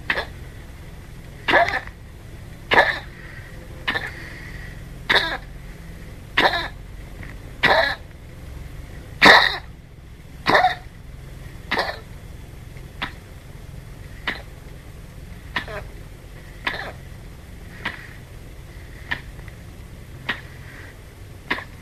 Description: This 15 year old Chihuahua has what is commonly called Kennel Cough.